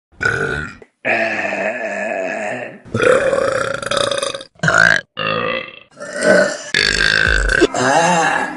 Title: Best Burps From Vine || #19 || February 2015